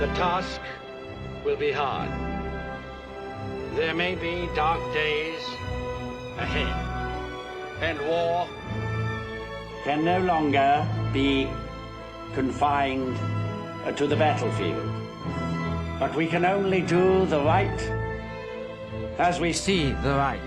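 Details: Acted stammer: actor portraying King George VI delivering a wartime radio speech in a film; stuttering (acted).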